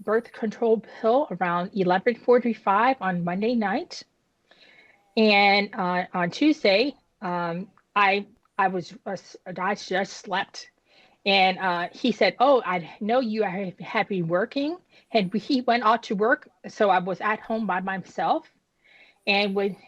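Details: Woman who had a stroke at age 36 damaging about a third of her brain, including the speech center, initially leaving her unable to speak with right-side paralysis; she had aphasia and apraxia of speech after the stroke.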